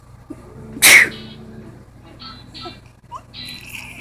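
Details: Mother's loud, explosive pretend sneeze, followed by soft background sounds and quiet vocal noises from her 4½-month-old baby, who is tickled by it. Sneeze.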